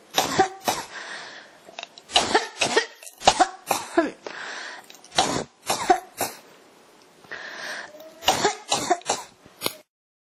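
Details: Repeated bursts of dry, throaty coughs and throat clearing, about fifteen in ten seconds, with short breaths between; a persistent coughing bout.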